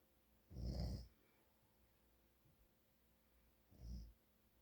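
Two low rumbling snores about three seconds apart, separated by quiet breathing pauses; snoring during sleep.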